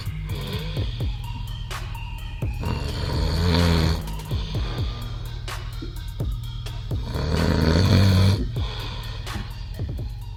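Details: Person snoring heavily while asleep on a boat: two loud, rattling, low snores about four seconds apart, with music in the background.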